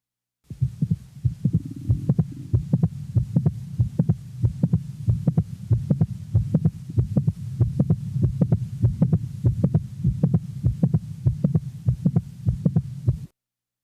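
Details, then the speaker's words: Normal 20-year-old female: regular heart sounds with a typical short, sharp, high-frequency mid-systolic non-ejection click between the first and second sounds. "the next example is that of a normal 20 year old female with a typical mid-systolic"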